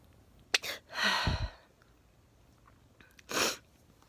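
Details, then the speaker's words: A person who has had a lot of sneezing over recent days, with a change in the sneezes and the jaw locking up, gives two sharp sneezes, each a quick inward breath then an explosive burst, with a sniff between: sneezing. "hey the last few days i've had a lot of sneezing and the videos you're getting on youtube now are from maybe a week ago a few days yes ago"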